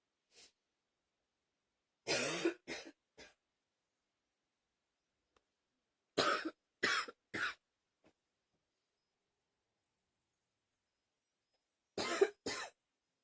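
Bursts of two to three sharp coughs separated by silent pauses, about nine coughs in all, a repeated dry-sounding cough.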